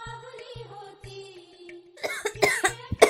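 Soft background music gives way to a short run of harsh, acted coughs from an adult woman.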